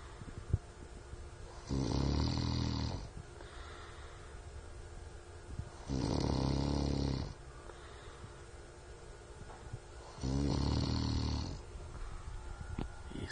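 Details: Loud, low, rattling snores about a second each, recurring every four seconds or so with quiet breathing between; deep sleeper who does not wake when called; steady snoring.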